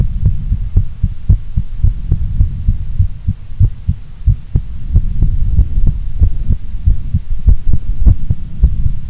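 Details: Female heartbeat, normal heart sounds: steady, deep paired thumps at about 80 beats a minute, with a low background hum.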